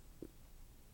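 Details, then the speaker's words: Brief low gurgling stomach rumble from an adult woman during a seated interview, against quiet room noise; she notices it herself and mentions needing to eat; ordinary stomach growling (borborygmi). "Can you hear my stomach growling? I'm sorry. Oh, can you cut it out? Okay. I just knew it was growling, and I thought, I'm either going to have to get up and eat something, or he's going to have to be able to cut it out."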